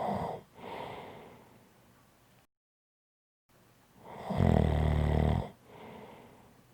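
Loud rattling snore on an in-breath, with softer breathing around it and a brief silent gap; ordinary snoring.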